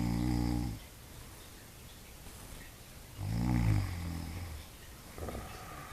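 Deep, rumbling snores on two breaths from a sleeping animal, with a softer snort between.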